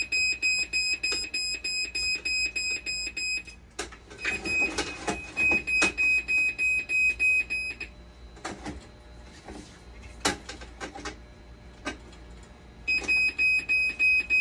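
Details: Dialysis machine under repair, with conductivity still failing after board swaps: rapid, repeating high-pitched alarm beeps broken by clicks and handling noise.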